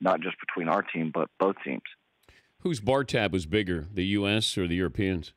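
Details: Two adult men talking, one over a telephone line; normal conversational speech.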